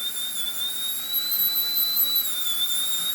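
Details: Orthodontic visit at about 1 year 3 months in braces, patient with anterior open bite and tongue thrust wearing elastics: a thin, piercing, slightly wavering whine of a dental handpiece removing old glue; dental handpiece removing bracket adhesive.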